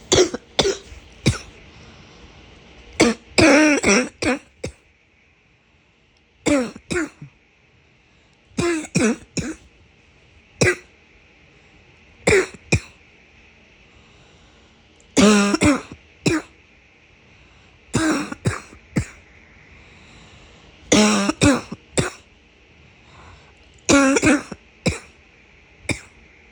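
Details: Barking cough: repeated bouts of short, harsh, hoarse coughs from an adult.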